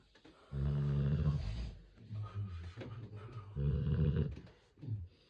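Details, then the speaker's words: Loud, low, rumbling snores on each breath, with softer rattling between, from a sleeping Rottweiler puppy. "даже ковёр шевелится этого храпа Юшка Ты что так храпишь"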